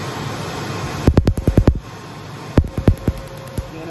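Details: Cutera Enlighten tattoo removal laser during a first treatment to lighten a very dark cover-up tattoo: two bursts of sharp snapping pulses, several a second, over fan hum, as the laser fires.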